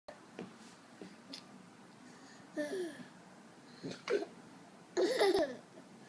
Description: My son had the hiccups and found them hilarious !!